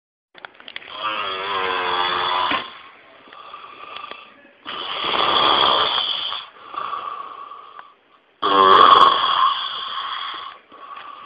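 Three long, loud, rattling snores on breathing in, about 16 breaths a minute, with quieter breaths between them: snoring.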